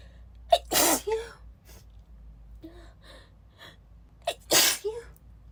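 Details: Adult woman, still a little sick, not suppressing sneezes: two forceful, breathy sneezes, each preceded by a sharp intake of breath; a sneezing fit.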